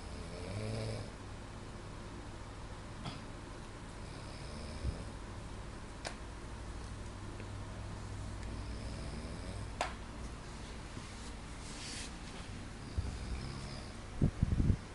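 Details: Steady low rumbling snore under constant room hum, with a few soft clicks and a louder snort near the end; ordinary snoring.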